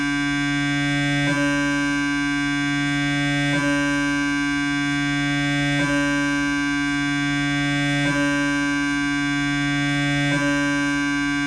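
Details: Siemens MAGNETOM Lumina 3 T MRI, lumbar spine, T1-weighted transverse axial 3D gradient echo sequence with 1 mm slices (t1_vibe_tra_1mm): loud steady electronic buzzing broken by a brief click about every two seconds, MRI scanner noise.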